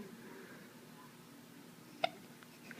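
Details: Single sharp, brief catch of breath from a 5.5-week-old baby in a quiet room; infant hiccups.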